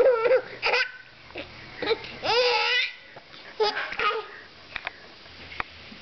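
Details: An infant babbles and giggles, then hiccups: a few brief, abrupt catching sounds.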